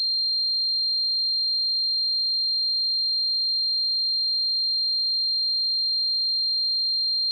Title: 🔊 I Spent 10 Minutes In The Tinnitus Sound Chamber